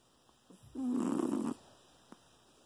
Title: Chihuahua sound asleep well not sound. She is snoring.